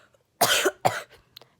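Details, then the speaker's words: Child with a frequent, recurring chronic cough that they link to a vibrating throat sensation and that sometimes brings vomiting after eating: two short, forceful coughs in quick succession. "he reason why I cough so much. I feel like there's something like in my throat making this noise, like gah, gah, gah, gah."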